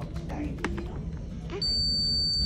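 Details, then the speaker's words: Soft rustling, then steady high electronic beep as a digital thermometer finishes an underarm temperature reading on a newborn girl in hospital, day five; reading 36.8 °C, within stated normal 36.5–37.5. "Just need to check your temperature. So, we put it under."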